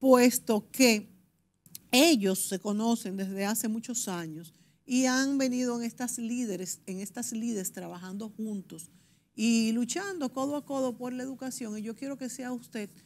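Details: Adult woman speaking Spanish; Normal voice.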